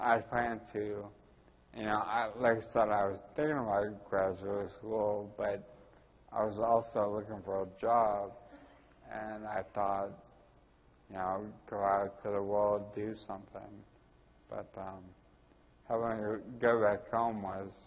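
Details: Ataxic dysarthria in a 41-year-old man with Friedreich's ataxia, which also causes his balance problems and walking difficulty.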